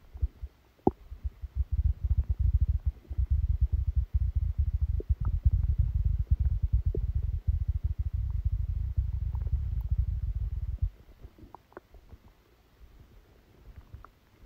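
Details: Stomach sounds recorded during a stomachache after Christmas dinner while the person slept: a long stretch of low, continuous rumbling and gurgling that fades to quiet; loud active bowel sounds, stomach rumbling.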